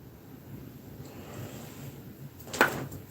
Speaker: I don't know if you can hear that noise that's my jaw clicking